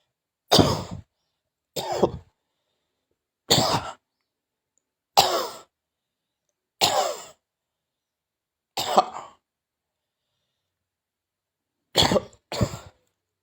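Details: Cough: eight short, harsh dry coughs in a quiet room, mostly single with a final close pair.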